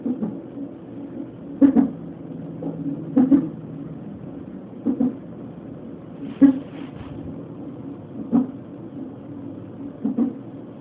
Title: Hiccups at the non stress test 32 weeks